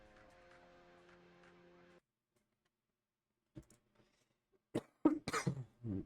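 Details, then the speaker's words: Adult who says they have been sick for quite some time gives a few short, harsh coughs with throat clearing after brief background music: cough. "I'm a bit sick. I've been sick for the past quite some time now."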